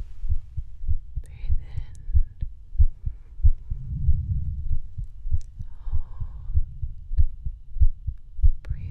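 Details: Real heartbeat heard through a stethoscope during a medical ASMR role-play, in the segment listening to the lungs with breathing: steady low thumps at about 95 a minute, faint breath noise, light handling sounds; normal heartbeat.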